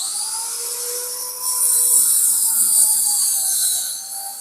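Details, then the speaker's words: Omron HEM-7140T1 digital blood pressure monitor cuff inflating on an adult keeping quiet: steady high-pitched motor whine rising in pitch; the reading was 118/81, normal. "আমি যখন মাপবো তখন আমি একটু চুপ থাকবো। হ্যা। অলরেডি মেজারমেন্ট নিচ্ছে।"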